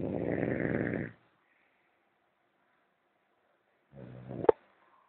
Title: The Snoring POP